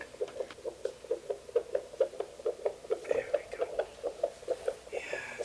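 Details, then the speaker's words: Fetal heartbeat on a home Doppler with the probe placed low near the baby's head: rapid, regular whooshing pulses at about 135 beats a minute, described as fast and galloping. "Fast. Maybe it's a girl. It's beating really fast. Galloping."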